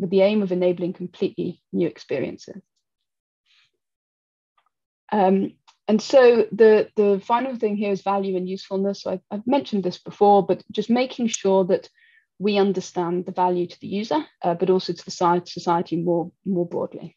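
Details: Adult woman speaking; typical speech.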